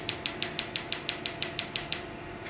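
About eleven sharp, evenly spaced snapping clicks, roughly six per second, from a laser firing pulses during tattoo removal.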